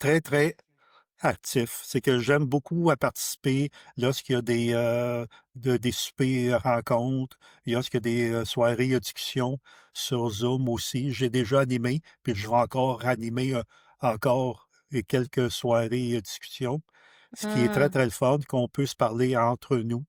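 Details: Adult who stutters; stuttering.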